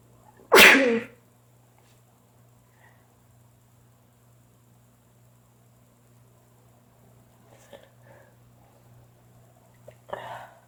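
A single sharp, explosive sneeze, then a few quieter breaths and sniffs in a quiet room.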